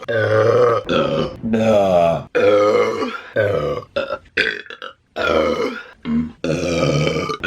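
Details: Woman burping during mukbang eating videos: a run of about eight loud, drawn-out voiced belches with brief pauses between them.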